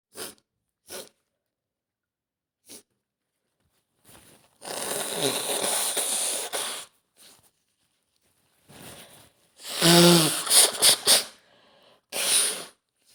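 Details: Woman (F) with a serious common cold and stuffed nose: sharp sniffs and several explosive bursts, including a voiced sneeze, with trumpeting nose blowing and a little coughing; sneezing.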